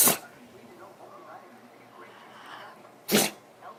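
Two sharp, explosive sneezes from a small dog, about three seconds apart, with quiet room noise between them.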